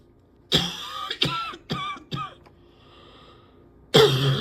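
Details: Four rapid harsh coughs with a strained, whistling edge, a short gasp, then another forceful cough; a persistent coughing fit where the person can hardly breathe without coughing for five minutes afterwards.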